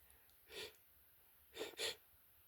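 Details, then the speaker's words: A person with an itchy nose trying to hold back strong sneezes, with three soft, hissing bursts through a closed mouth and nose, the last two close together: stifled sneezes. "It's coming again. Excuse me. So strong. It's hard to hard to stifle them."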